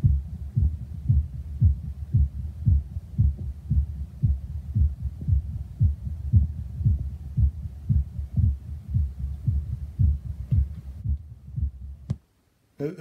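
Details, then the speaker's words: Adult after open-heart mitral valve repair for severe mitral valve prolapse regurgitation, recorded with a stethoscope and an app. Regular clear low thumps near 115 a minute, without the prior squishing murmur. "amazing it sounds like a real heartbeat not like that squish before it sounded like a what sponge it really did"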